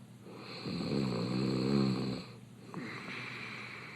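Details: Adult male reality-show contestant snoring with an open mouth in bed: one loud, rough, rattling snore on the in-breath, then a quieter open-mouth out-breath.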